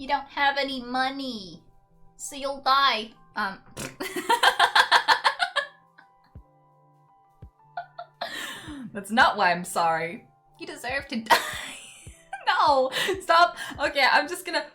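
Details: Sudden involuntary vocal tics in an adult woman with Tourette syndrome, followed by apologies and attempts to stop them.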